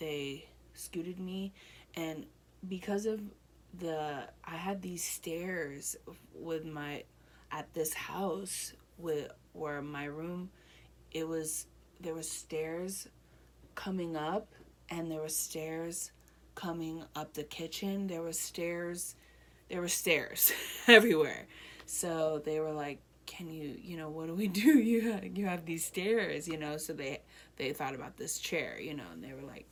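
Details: Adult woman with Broca's (non-fluent) aphasia one year after a stroke she links to H1N1 infection and a hole in her heart; right side affected; knew about five words in hospital, since improved; reading and writing also impaired.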